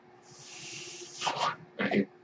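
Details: Speaker's own ventilator heard while recording a podcast: steady airy hiss of delivered breath, then two short rougher puffs on release; one mechanical ventilator breath cycle.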